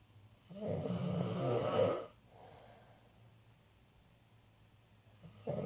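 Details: Father snoring in sleep: one loud, rough, rattling snore on the breath in, then a quiet breath out and a pause before the next breath.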